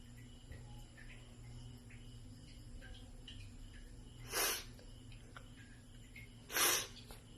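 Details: Two short, sharp hissing nasal bursts a couple of seconds apart over steady room hum, small animal sneezes: sneezing.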